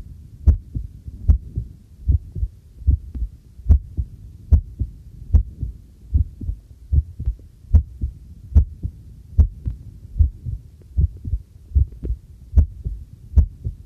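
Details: Own normal heartbeat recorded with a homemade field stethoscope microphone while doing housework: steady regular lub-dub about 74 a minute, with faint household clinks behind.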